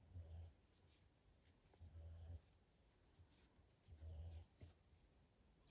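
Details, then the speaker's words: Very loud, deep rumbling snores from an older pet dog sleeping in the corner, three in quick succession at roughly 30 a minute. "She's got a very loud snore. which makes me chuckle. It makes me laugh."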